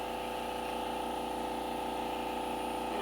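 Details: Crystal microdermabrasion machine running during a facial treatment above the upper lip. A steady mechanical hum with a fast pulsing pump rhythm; normal operation.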